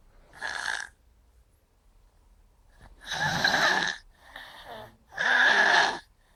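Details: Snoring by a sleeper who is told to close their mouth, with music in the background.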